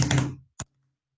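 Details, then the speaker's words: Knocked teaching imitation of a summation gallop, S3 and S4 sounds merging: a rapid run of thuds, then a single knock, likened to somebody having swallowed a horse. "sounds like somebody swallowed a horse that is called a summation gallop when you have an s3 and an s4"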